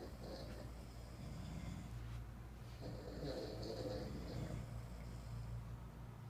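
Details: Four people snoring at once: low rumbling, irregular snoring from more than one sleeper over a steady low background hum; snoring.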